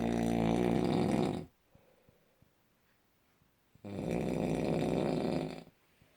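Two long, loud, rattling snores on the in-breath with quiet pauses between; heavy snoring.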